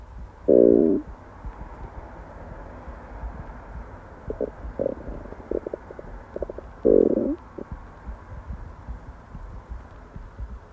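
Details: Constant stomach growls while at work: repeated low gurgling growls and short rumbles, ordinary bowel sounds of digestion.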